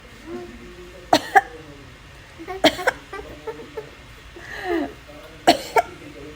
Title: Mumma coughing hahha so funny #shortvideo #cutebaby #love #childhoodtoy #colonelkkjϟ